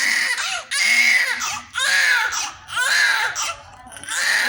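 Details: Newborn baby's first cry: loud, high-pitched crying in repeated wails about once a second, with brief breaths between cries; vigorous newborn cry.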